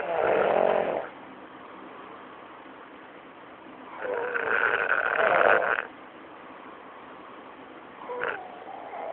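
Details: Sleeper snoring, recorded on an Android phone: two long rattling snores about four seconds apart, with a shorter third beginning at the end.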